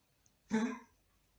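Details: 13-year-old blind and deaf shih tzu with a bad cough, seen by a vet with X-ray and treatment: a single short, harsh, honking, throat-clearing cough.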